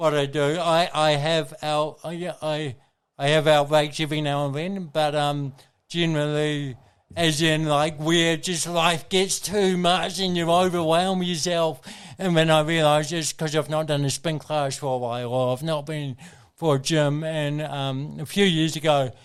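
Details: Adult man with congenital cerebral palsy, a brain injury from oxygen loss at birth, thinking unaffected: mild dysarthria (cerebral palsy).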